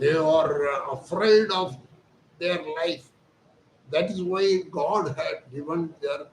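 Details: Adult man, Hindi speaker, voice thin since childhood; surgery advised elsewhere, instead receiving voice therapy exercises, 4 days into treatment and reporting improvement: puberphonia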